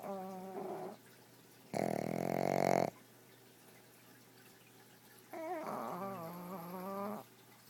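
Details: Sleeping pug: whistling, whiny breaths alternating with a harsh snorting snore; noisy snoring, which the owner says is not that bad.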